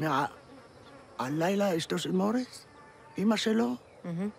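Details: Acted stuttering by a comedy TV series character portrayed as both wacky and stuttering; repeated words in the line are the character's stutter, performed for comedy.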